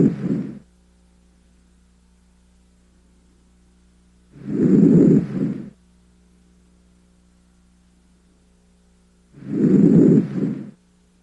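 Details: Posterior chest auscultation with stethoscope diaphragm, patient breathing deeply through mouth: soft, low rushing breath sounds, three deep breaths about 12 a minute, normal vesicular breath sounds.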